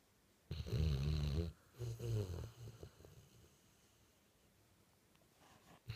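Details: Barty, sound asleep and comfortable: a loud, low, rattling snore on one breath, then weaker snuffling breaths fading into quiet; snoring.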